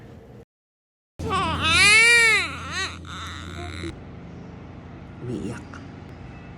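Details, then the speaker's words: Newborn baby girl crying on her first day after a hard delivery in hospital: loud, high-pitched vigorous wailing with rising and falling pitch, then quieter room sounds. "Syempre nahirapan din siya sa kanyang paglabas iyak-iyak"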